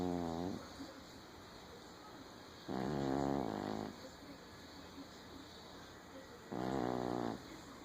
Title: Zoey snoring on chair